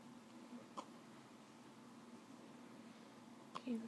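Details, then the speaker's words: Infant girl's hiccups while her father talks to her: two brief, abrupt catch sounds about three seconds apart in a quiet room. "There's one. Somebody's got the hiccups. Hey, get those hiccups away. Alright, that's enough hiccups."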